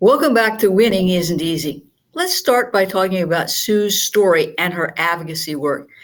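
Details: Adult woman host; normal speech.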